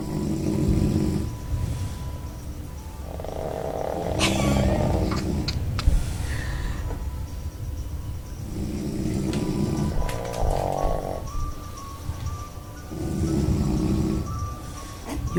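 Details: A pug dog and a man snoring together: low rumbling snores recurring every few seconds with the breathing, plus higher snorts and background noise.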